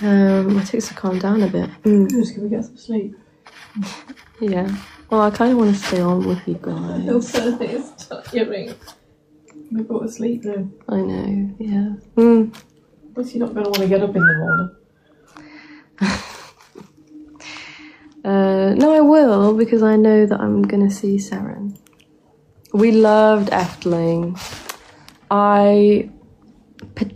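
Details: 24-year-old woman with Tourette syndrome diagnosed at 20, on a really bad tic night with neck straining and tics constantly interrupting her sentences; repeated "Mm" vocal tics; vocal tics (Tourette syndrome).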